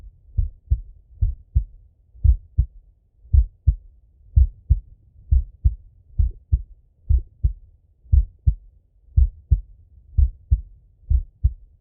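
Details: Normal heart sounds from a male auscultating himself while falling asleep: steady, clean lub-dub at about 58 beats a minute, with no extra sounds.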